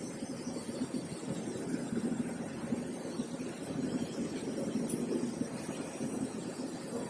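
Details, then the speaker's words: CEPL O2 Engine Mini oxygen concentrator (11-15 LPM) running and cycling, concentration rising to stabilize around 90-93%, flow 6 and 6 LPM across two bottles: steady low mechanical hum and rushing air. "So initially the concentration will be lower, and as the machine starts cycling, you can see that it's increasing and stabilizing at, it will stabilize at around 90 to 93%."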